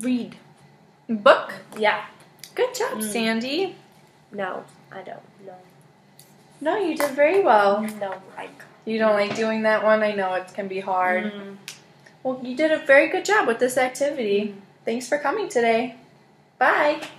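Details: Adult woman speaking; normal speech.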